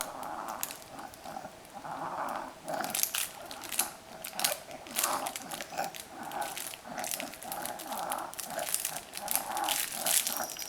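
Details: A 5-month-old boy, a happy wheezer, breathes noisily with a rough, rattly sound on each quick breath; parents were worried at the time, and by 9 months it was barely audible and gone during sleep.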